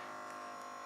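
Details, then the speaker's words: Automatic smart blood pressure monitor cuff on the arm, arm relaxed flat on the table, after pressing start: steady electric pump hum as the cuff inflates before taking a reading. "hit that start button and let you know that it's gonna start and then it starts to fill up with air and starts taking the reading"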